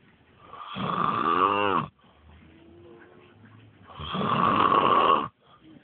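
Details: Heavy snoring from an adult man (dad) asleep on a trampoline: two loud, rattling, harsh snores about three seconds apart, each over a second long, with quiet breathing between.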